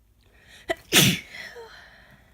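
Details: An adult with a cold caught from young children: a quick catch of breath, then one loud, natural, explosive sneeze trailing into a soft exhale.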